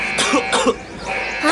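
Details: Two short, harsh acted coughs in quick succession with faint background music, in a cough and flu medicine advertisement.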